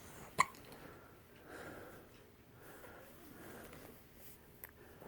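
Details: Recently fed, sleepy little one with hiccups: a single sharp, abrupt hiccup, then a quieter second one later, over soft room noise and faint voices; hiccups.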